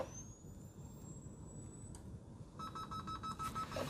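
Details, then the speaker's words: Simulated ACLS megacode, sedated patient with regular wide-QRS ventricular tachycardia and a pulse: defibrillator charging to 100 J for synchronized cardioversion; rising high-pitched whine, then a steady tone. "Oke, synchronize. Baik. Eh, tolong minta jelly. Oke, charging."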